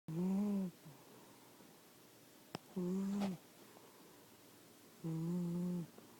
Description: Fat cat sawing logs